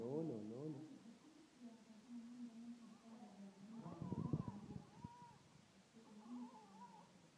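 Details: Newborn baby's first cry: thin, wavering cry in short bursts while the father talks to the baby, with soft adult voices and room noise in the background.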